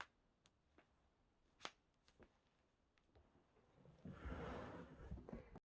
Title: Full body cracking (back, knuckles, neck, toes)